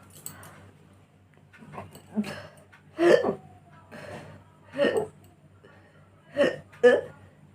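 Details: Natural hiccups recorded for a hiccup challenge: about six short, sharp throat catches repeating every one to two seconds in a quiet room.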